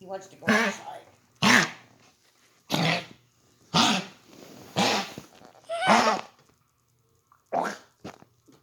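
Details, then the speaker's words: A pet dog that keeps coughing gives runs of harsh, hacking coughs in repeated bursts, about one every one to two seconds: dog cough. "uh my dog keeps coughing and uh [Music] are you okay wiggles"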